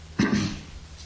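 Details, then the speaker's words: A single short cough in a quiet room from an adult male speaker with a hoarse voice from an allergic reaction that began the day before; he says he is not sick: cough. "If I'm a little grally this morning, it's because I'm having an allergic reaction to something. Not in this room. It started yesterday. Um, so I hear it in my voice and I cough"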